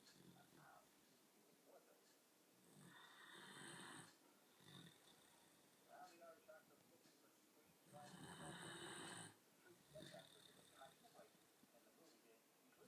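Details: Slow, rough snoring breaths, loudest on breathing in, with quieter breaths between, about twelve breaths a minute; ordinary snoring.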